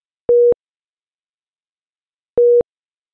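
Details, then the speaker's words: Philips Efficia DFM100 defibrillator/monitor low-priority alarm for a device problem or non-life-threatening condition, e.g. SpO2 non-pulsatile message: two single mid-pitched beeps about two seconds apart. "priority alarms indicate a device problem or non life-threatening condition such as this spo2 non-pulsatile message and they appear in this cyan background and sounds like this"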